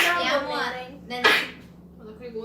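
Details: Adult woman sneezes: a drawn-out voiced "ah" intake, then a sharp, hissing sneeze burst, then quiet.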